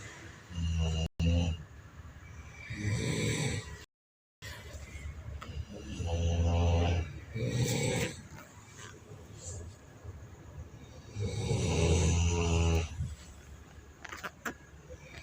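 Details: Loud, rough, low rattling snores on slow breaths, about 11 a minute, with some background noise; described as mechanical snoring.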